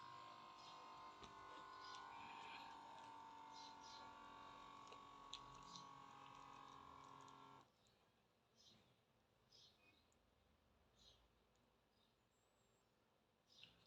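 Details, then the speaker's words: Omron M2 Basic automatic upper-arm blood pressure monitor: steady electric pump hum inflates the cuff for about eight seconds, then stops abruptly, leaving quiet faint clicks, giving blood pressure and pulse within 10–15 seconds. "Evet Arkadaşlar gördüğünüz gibi 10-15 saniye içinde tansiyonumuzu ve kalp atışı hızımızı bir gösterdim"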